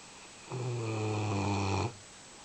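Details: Wet puppy snoring while drying off after a day in the rain: one drawn-out, low, droning snore of just over a second in a quiet room; snoring.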